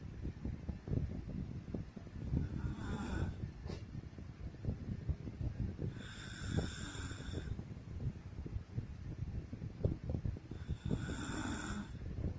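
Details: Adult woman (wife) snoring while asleep in an older home recording: rough, rattling snores on breathing in, softer breathing between, faint room noise; snoring.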